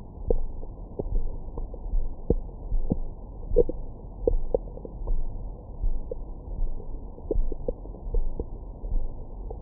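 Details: Own abdomen recorded with a stethoscope microphone after a large meal: low rumbling with short gurgles and squeaks, active bowel sounds of normal digestion.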